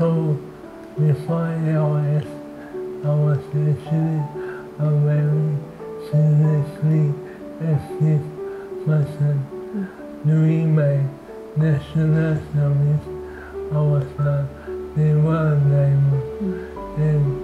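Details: 38-year-old man diagnosed with amyotrophic lateral sclerosis, a progressive motor neuron disease; dysarthria (ALS).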